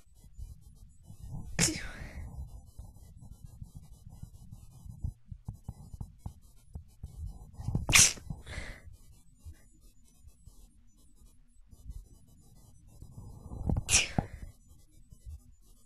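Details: Deliberately stifled sneezes: three sharp, muffled bursts of held-back air about six seconds apart; the last attempt described as a fail.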